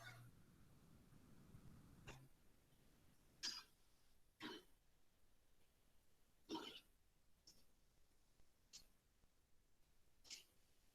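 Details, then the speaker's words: Pigs with a classic case of swine influenza (porcine respiratory complex): frequent short, dry cough bursts; some animals also show watery, tearful eyes. "ahí vemos un caso clásico de de influenza porcina tos seca frecuente ahí vemos los animales"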